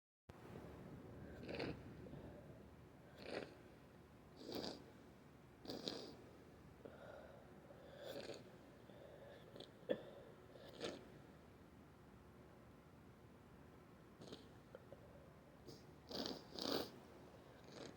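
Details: Person whose nose has been very stuffy lately, possibly getting a cold: repeated wet, stuffy sniffles, two nose blows and one sneeze near the end, fitting nasal congestion.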